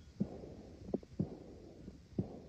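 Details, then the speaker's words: Heart sounds with a soft blowing murmur filling the pause after the second sound: diastolic decrescendo murmur of aortic regurgitation. "so this is really the murmur of aortic regurgitation so here kind of is that clip for aortic regurgitation so hopefully you can hear"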